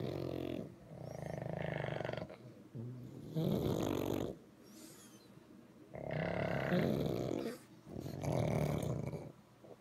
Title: Three little snoring pugs